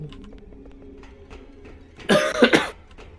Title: [halo ce og] legendary coughing fits and deranged staments